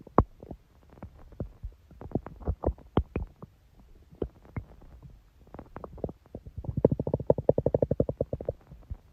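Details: Long stomach growl: irregular gurgling and rumbling from the belly, ending in a longer bubbling growl.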